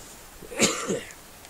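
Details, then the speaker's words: Adult man on the third day of severe flu and respiratory infection gives a single short, harsh cough with a brief second burst while coughing up mucus and phlegm built up in the lungs. "that sage smoke is clinging to the mucus and phlegm and the fluids build up in my lungs and it's helping me Koff it all out whereas before I wasn't doing it it just wasn't breaking up at all"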